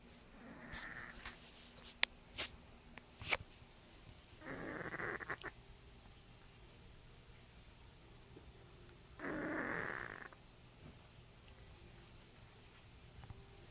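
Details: Cat with sinus problems and funny breathing, snoring while asleep on the couch: two soft, breathy snoring breaths a few seconds apart, with faint clicks and quiet room noise.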